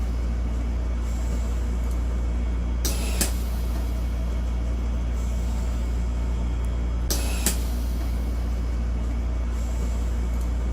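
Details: Prototype ICU mechanical ventilator built by a university team, running in volume control mode on a simulator: steady machine hum with two sharp valve clicks about four seconds apart marking breath cycles.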